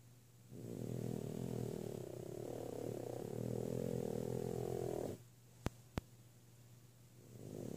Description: Mornings are not the favorite thing of our 8 month old frenchie. She is snoring away!!